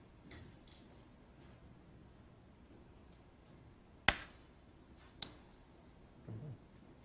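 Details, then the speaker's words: Transcranial magnetic stimulation for depression, single pulses with the patient's hand held relaxed to watch for an involuntary movement: two sharp, isolated clicks in a quiet room. "ok so we've done it all very exactly here we go Suzanne will give you a pulse"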